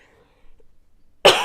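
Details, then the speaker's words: Adult who starts coughing every time they talk gives one abrupt, forceful cough after a moment of near silence: a single isolated cough. "as you can probably hear every time i talk i start coughing and i've not got a lolly in my mouth and that's not good so i probably need to rest my voice for a little bit"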